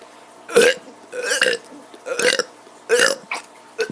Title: Kid doing burps 38